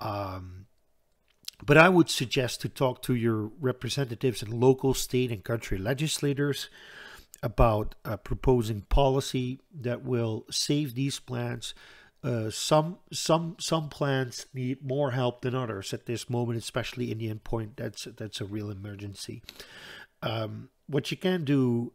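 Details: Stuttering in an adult Dutch man who says he stutters and always hangs up between his words; word repetitions in this stretch.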